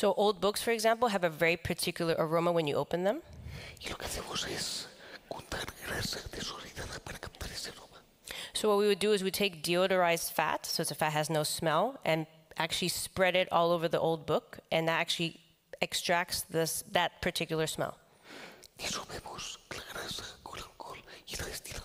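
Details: Man with the neurological disease dystonia, which in his case impairs control of his neck movements and can affect other body parts; he says he has no real tone of voice: whispered, breathy voice in dystonia.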